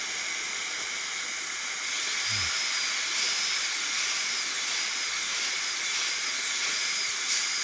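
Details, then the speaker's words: A high-speed dental handpiece gives a steady high-pitched hiss and whine, with suction running, while cutting guide cuts into the major grooves of tooth #18 on a typodont for a gold onlay preparation in a simulation lab. "so let's start with our guide cuts i'll do the major grooves and i'll go ahead and get our suction involved here because i can do this directly"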